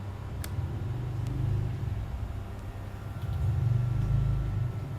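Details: Automatic upper-arm blood pressure monitor for home use by elderly: steady low motor hum of the small pump rising and falling as the arm cuff inflates, felt very tight.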